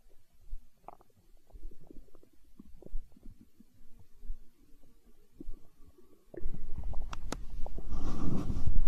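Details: Hunger stomach growl in an ASMR recording: soft irregular gurgles, then a louder rolling rumble building toward the end, ordinary borborygmi.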